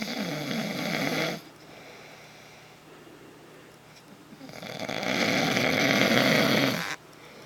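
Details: A man's heavy habitual snoring: two long, loud, rattling snores on breathing in, with a quiet pause between them. His partner reports hearing it nightly for 8 years, though he denies snoring.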